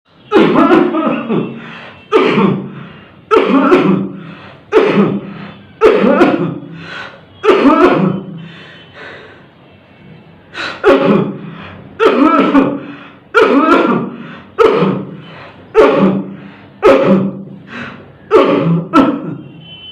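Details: An adult gives a steady run of about fourteen forceful, acted coughs with a brief pause midway: simulated cough.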